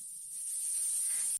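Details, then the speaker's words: Steady high-pitched hiss like a boiling kettle or chirping insects, played from an app demonstrating tinnitus types alongside 200–800 Hz and higher-frequency tones; simulated tinnitus sound. "이런 히싱 소리도 있고, 네, 이렇게 주전자. 그다음에 벌레"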